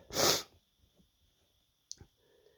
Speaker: hey everyone how's it going out there I thought I'd uh put something together and give you some more sneezes here here it goes